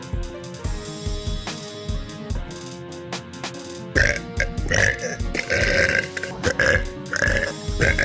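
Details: Girl's long, deep, rumbling burps repeated over loud background music; normal belching.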